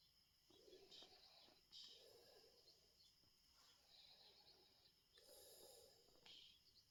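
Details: Tuxedo cat so relaxed she fell asleep while being stroked: snoring.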